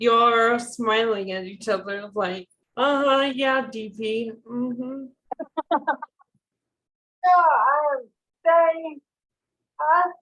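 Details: Dysarthria in a woman with ALS diagnosed in 2014, with real slurred, hard-to-understand speech.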